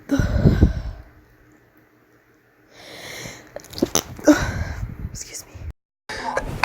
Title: sneeze 3